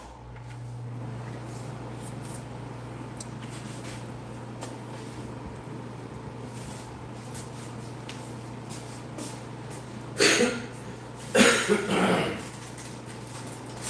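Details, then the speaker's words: Adult livestreamer with a lingering chest illness and a failing voice coughs: two or three short, harsh bursts over a steady room hum. "Anyh who, [clears throat] if you guys could hear it, but my voice is starting to go again. Whatever this cough chest thing is is lingering around."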